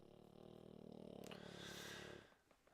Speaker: my dog is so sleepy you can hear him snoring that's fine though